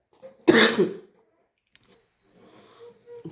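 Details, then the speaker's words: A single harsh, throaty cough burst from an adult whose throat has become very irritated, followed by quiet breathing and faint throat sounds; cough. "Minha garganta já começou a irritar demais."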